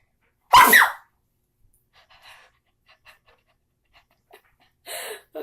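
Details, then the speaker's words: Single loud, explosive sneeze then quiet breathing and a short forceful exhale, deliberately induced, from a person calling it their usual sneeze; sneeze. "Make myself sneeze like this. See, I told you I had the weirdest sneeze ever."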